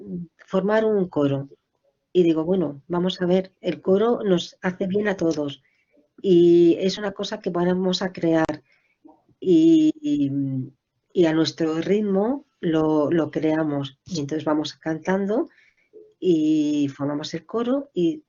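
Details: Adult woman with motor (Broca's) aphasia for about 20 years after a stroke, initially impairing articulation and expression, now fairly recovered after rehabilitation; mild residual Broca's aphasia.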